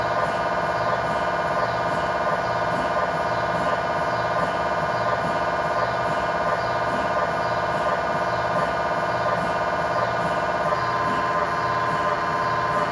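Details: Steady loud droning and rapid rhythmic buzzing pulses with a tone change near the end; MRI scanner acoustic noise inside the scan room during a tibia/fibula (lower leg) test scan with a GE high-definition lower extremity coil.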